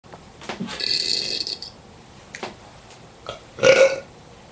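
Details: Person burping loudly at a dog: a long rasping belch, then a few short ones and a final loud burst; repeated belching (eructation).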